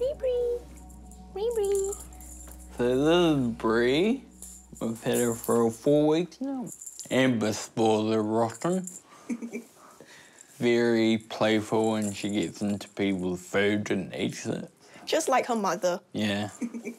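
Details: Ataxic dysarthria in a 29-year-old male with Friedreich's ataxia, a genetic degenerative disease. It began in his teens with clumsiness and he was diagnosed at 18. His slurred speech has worsened over time, and he now uses a wheelchair.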